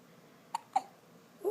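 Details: Baby boy with hiccups after his bath: two short, sharp hiccups about a fifth of a second apart in a quiet room, then the start of a soft infant vocal sound.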